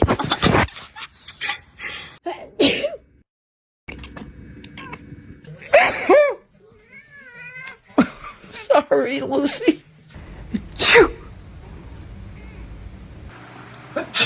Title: Cat reacting to Sneezes 😍 #shorts #cat #funny #pets #sneeze #laughoutloudcats